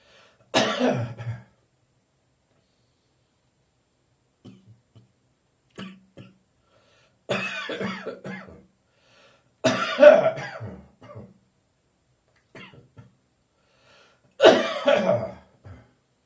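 Four loose, rattly coughs with softer throat-clearing sounds between them, fitting a mildly phlegmy cough.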